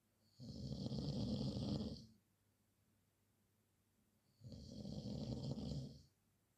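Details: Loud habitual snoring, described as a nightly nightmare: two long, deep, rattling snores with a quiet pause between, about one breath every four seconds.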